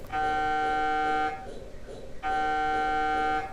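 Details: Simulated MRI scanner noise in a wooden pretend scanner used to train a child to stay still before a real scan: loud steady electronic droning tones in two long runs with a short pause between.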